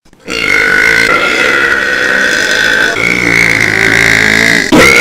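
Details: One long, loud, drawn-out voiced belch lasting several seconds, ending in a brief break; burping, heavily distorted by very loud recording.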